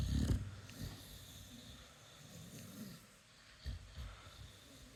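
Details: Snoring from a sleeping American Bully/Indian Bully dog, possibly during a massage: low, rumbling, snorting breaths with a few louder snorts.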